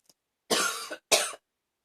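Two harsh, forceful coughs, the first long and rasping, the second shorter.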